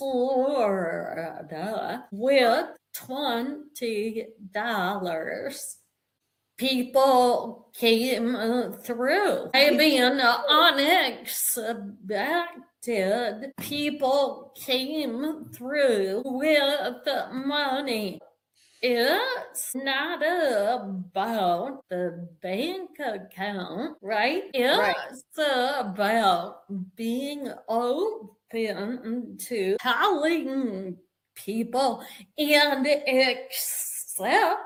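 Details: Woman with a real vocal tremor, described as physically manifesting after over 50 years of narcissistic and emotional abuse that began at age five; vocal tremor.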